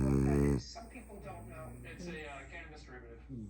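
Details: Merle French bulldog puppy snoring: a loud, low, rattling snort-like snore, then quieter background talk and noise.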